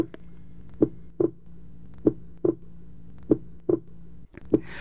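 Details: Simulated teaching recording of an anacrotic pulse, synchronised to heart sounds: paired heart sounds at about 48 beats a minute over a steady hum.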